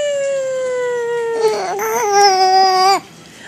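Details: Infant during tummy time, smiling: a long, clear, sustained vocal sound that slowly falls in pitch then wavers briefly, more like fussing or cooing than distressed crying.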